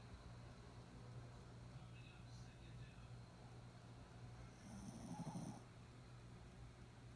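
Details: Snoring: low, steady rumble of sleep breathing with one louder, rougher snore about two-thirds through, over faint room noise.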